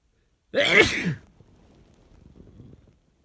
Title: Strong sneezes